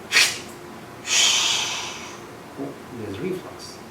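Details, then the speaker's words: Venous reflux on handheld Doppler with the probe over a leg vein and a cuff compressing at the ankle: a brief whoosh of upward flow, then a longer whooshing return lasting nearly a second. "So blood goes up, like I was doing, remember I was saying it, and the same thing is happening. I have a probe here, blood goes up, you hear that, there's reflux."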